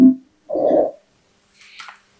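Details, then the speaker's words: Lung of an asthmatic during an acute attack heard through a stethoscope: brief musical, whistling wheezes from narrowed airways. "Así se escucha el pulmón de un asmático en crisis."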